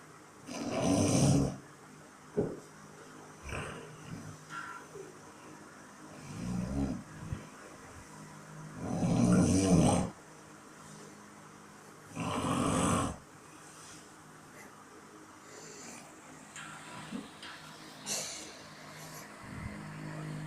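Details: Loud, rough snores at irregular intervals, with quieter breaths and pauses between them; snoring during sleep.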